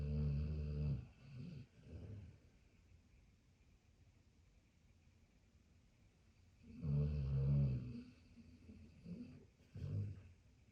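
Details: Sleeping pitbull–German shepherd mix dog after his early-morning walk: loud, low, rattling snores in slow cycles, each followed by a softer snort, with quiet gaps; heavy snoring.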